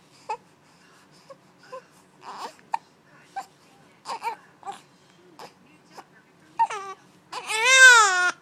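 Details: Infant with hiccups: soft, brief, jerky hiccup-like sounds, ending in a short rising-falling cry.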